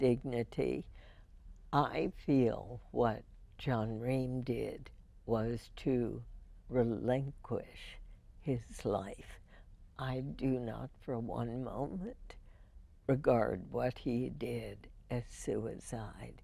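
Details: Spasmodic dysphonia in an adult woman, diagnosed 1998, treated every four months with botulinum toxin injections into the vocal cords; spasmodic dysphonia.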